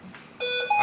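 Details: Hamilton C-3 ventilator during a training demonstration of settings and lung-stiffness simulation: two-tone electronic alarm beeps signalling a ventilation alert; ventilator alarm.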